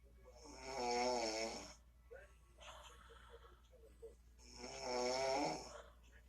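Two long rattling, droning snores on breathing in, with quiet breathing between them; ordinary snoring.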